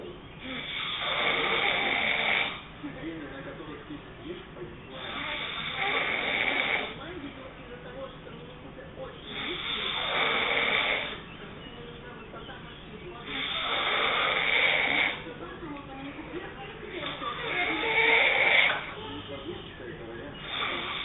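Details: Adult woman sleeping, heavy snoring: loud, rough snores on each breath in, about 15 a minute, with quieter breathing out between them; snoring.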